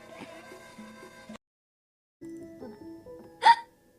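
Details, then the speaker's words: Over steady background music, a single sudden, sharp, brief voiced gulp: one hiccup. "I get the hiccups. Ignore. You didn't hear that."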